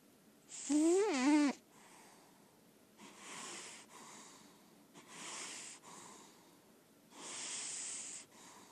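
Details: Senior lilac point Siamese cat, indoor, said to be in good health, asleep: brief squeaky whistle at start, then soft airy snores about every two seconds: snoring.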